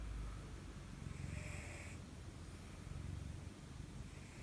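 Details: Japanese cats snoring softly at night: low, gentle rumbling snores and sleep breathing in a quiet room from two sibling cats and a younger white cat asleep huddled together in a pile.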